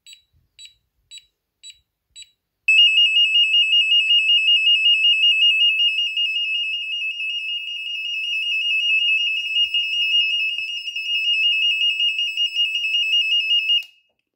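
A few short beeps, then a continuous shrill warbling alarm for about eleven seconds: an apnoea monitor sounding its alarm.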